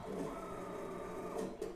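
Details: Steady mechanical whirring and humming with faint clicks from a prototype COVID-19 ventilator driven by a simple motor and belt drive.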